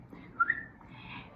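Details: Sudden brief, high whistle-like sound in a quiet room: an involuntary whistling vocal tic of Tourette syndrome in an adult whose tics worsened from September 2020 and became clearly noticeable in January 2021.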